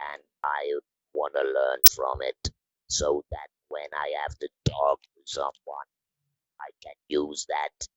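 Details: Electrolarynx speech from a 66-year-old man, a musician, about eight months after total laryngectomy in February 2020, using a neck-held electrolarynx (Inspiration model) with a button controlling pitch and intonation.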